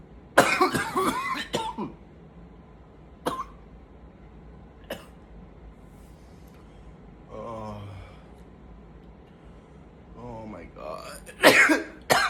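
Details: Bursts of coughing with throat clearing, separated by quiet gaps and faint low groans between fits, showing how tiring the coughing is; repeated coughing fits.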